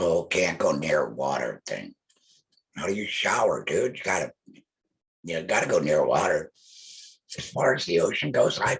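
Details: Alaryngeal speech from an adult male laryngectomee.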